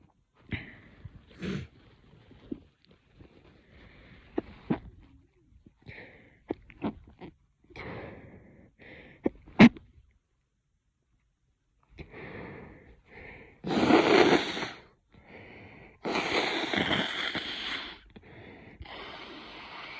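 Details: Person with a spring head cold who has been coughing and sneezing all day: sharp, explosive sneezes, sniffles and a long nose blow.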